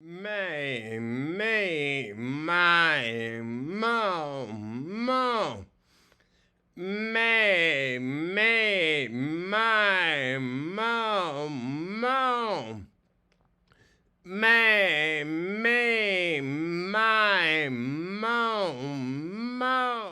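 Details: Man with ataxia from cerebellar strokes doing daily vocal warm-up exercises, each repeated five times; he can be very hard to understand, and his voice is worse without warm-ups; ataxic dysarthria.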